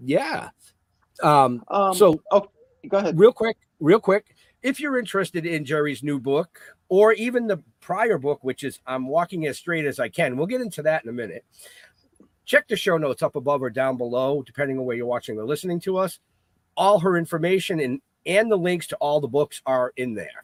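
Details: Adult male speaker; ordinary speech.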